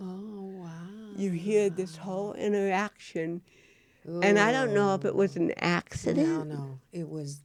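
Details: Real-life speech from a woman, an actress, who has cerebral palsy; dysarthria in cerebral palsy.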